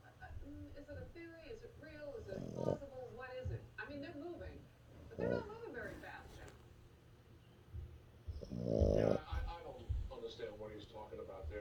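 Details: A sleeping dog snores in rough bursts every few seconds beneath louder television talk in the room.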